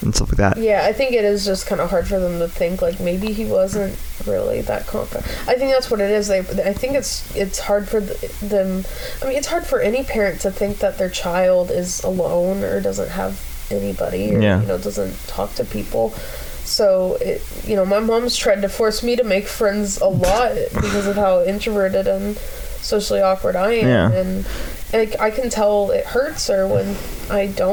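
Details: Adult speaker; typical speech.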